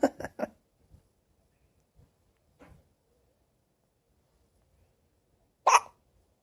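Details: Hiccups in a 6-day-old newborn baby: small, soft hiccup sounds about a second apart amid brief louder noises nearby.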